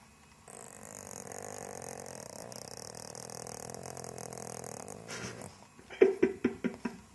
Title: Pug snores when petted!